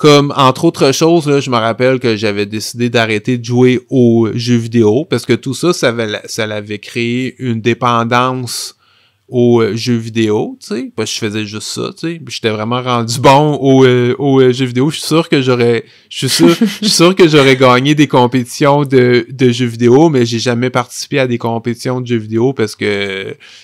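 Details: Stuttering in an adult French-speaking man who has stuttered since about age 5, with part-word and word repetitions audible; real, developmental stuttering.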